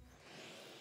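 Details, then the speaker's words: Steady, soft rushing hiss of air from a CPAP machine blower, demonstrated before it is connected to the mask, with no breaths or voices; CPAP airflow. "요런 식으로 바람이 나오게 돼요. 이런 것들이이 마스크랑 연결이 되면은이 마스크를 통해서 바람이 들어오게 되는 거죠."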